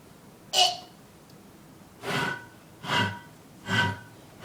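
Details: Person drinking apple cider quickly, then burping: a sharp gulp followed by three short, rough belches about a second apart.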